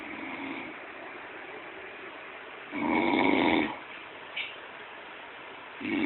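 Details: Snoring during sleep: quiet breathing with one loud, rough, vibrating snore, then the softer start of another.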